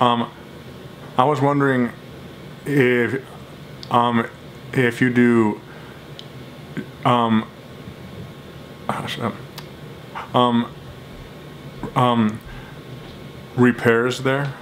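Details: Adult who stutters, making a phone call to a jewelry store as a daily speaking challenge, telling the store he has a speech problem; stuttering.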